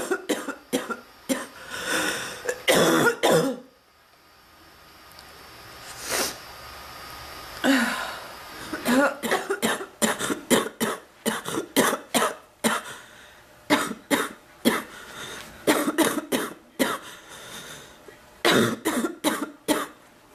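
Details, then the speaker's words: Repeated dry-to-harsh coughing bursts in clusters with a short pause, from an adult woman with an ongoing, unimproved cough she compares to past bronchitis, with chest discomfort; a persistent cough. "I want to stop coughing, please. Oh, my chest."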